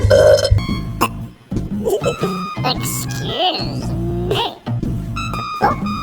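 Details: Loud, drawn-out comic belches from a Mr Bean clip, over music and layered sound effects in an edited effects replay; staged burping, not real.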